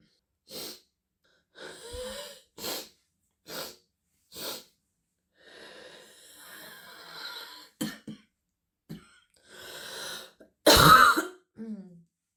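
Repeated harsh coughs from a congested child, some deep and barking, with noisy wheezy breathing between bursts.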